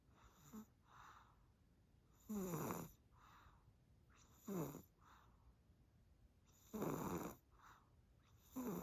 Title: 너무 피곤해서 코고는 아기. #cutebaby #sleeping #snoring #tired